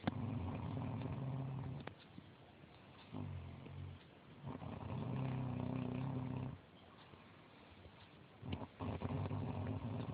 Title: Mum snoring.3gp